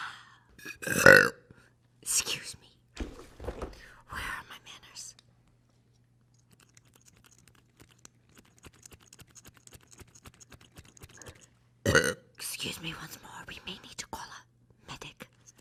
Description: Rapper and singer burps loudly twice in this clip.